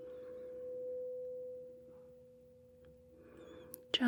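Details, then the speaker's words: Simulated hearing-examination roleplay: a 512 Hz tuning fork is struck and demonstrated, a soft sustained tone, before the Weber test. "So, our first test, our first test here involves a 512 hertz tuning fork. It sounds like this."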